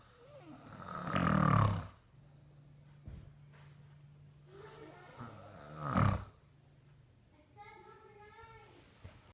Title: Daddy snoring